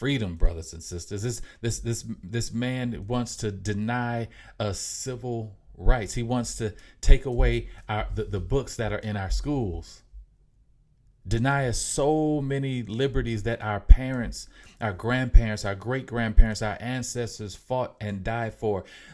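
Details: Mild, self-reported stuttering in an adult male podcast host; stuttering.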